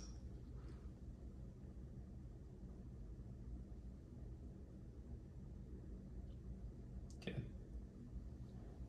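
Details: Stethoscope diaphragm over the left carotid artery of a volunteer: quiet low rumbling with no whooshing, a normal carotid auscultation without bruit.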